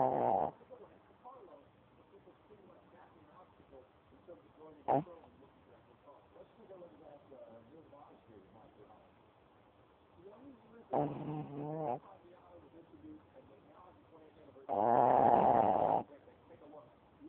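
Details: A small dog snoring loudly enough to wake the owner: loud, rough snorting snores in bursts, with quiet room sound between.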